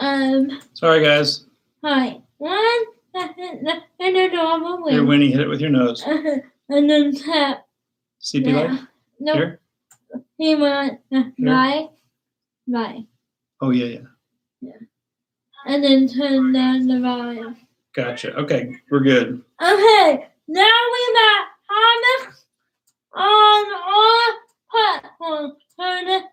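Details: Dysarthria in a young woman with cerebral palsy; she started talking late, is sometimes hard to understand per her parents, and worked with a speech pathologist on sounds such as plosives.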